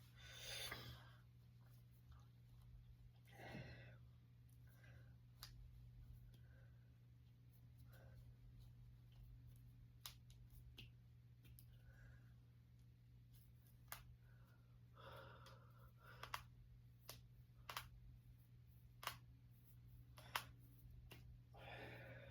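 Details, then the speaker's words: Cracking fingers and knuckles because it feels good: a series of sharp, isolated pops and clicks over a low room hum with soft rustling; knuckle cracking. "want to crack my fingers because I want to and it feels good."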